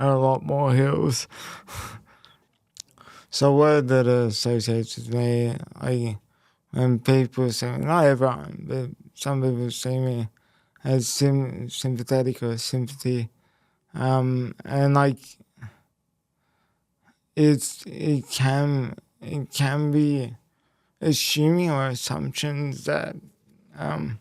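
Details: Male who had a haemorrhagic stroke at age 12 affecting the left brain and right body, followed by a five-week induced coma, with speech most affected and relearned; speech impairment after stroke.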